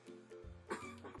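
A single short, harsh cough from an adult with flu, heard over soft steady background music.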